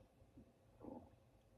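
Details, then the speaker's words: Adult man's stomach growling while working, which he attributes to eating less; stomach growling (borborygmi). "Why is my stomach growling? Because you're eating less."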